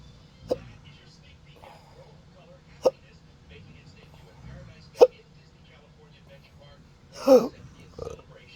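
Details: Person describing a disabling, rare condition of hiccups and burping, recorded Wednesday night, May 15, 2025: three sharp, clipped hiccups about two seconds apart, then a softer throat sound; hiccups.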